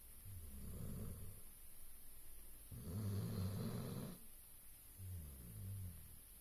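Low, rumbling snores on each breath, roughly three in six seconds, over a steady hiss in the background.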